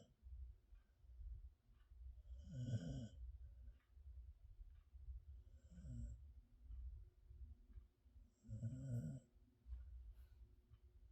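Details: Max, a Blue Heeler, sleeping in someone's arms: soft, regular snores, about three breaths heard, roughly 18 breaths a minute, over a low background rumble; snoring.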